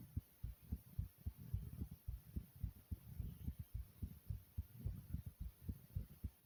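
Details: Fast, pounding heartbeat: rapid, regular, deep thumping at about 110 beats a minute, consistent with tachycardia.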